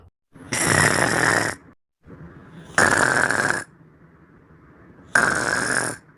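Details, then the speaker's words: Three loud, harsh snores with quieter breaths between them, about 29 a minute, in a small room; snoring loud enough to wake another sleeper. "you are snoring way too loud and I want you to be quiet please"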